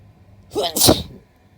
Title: 4 sneezes (M)